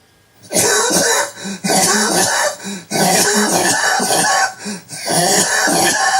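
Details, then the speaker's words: Paroxysmal dry cough in a man with cancer since 2004 on Alimta chemotherapy, with voice loss since June: harsh dry coughs in rapid succession with brief gasps between them, painless and nonproductive, about 50 bouts a day. "me if you know anything about this kind of a cough it sounds absolutely terrible there's no pain and there's nothing in my mouth there's nothing I cough up"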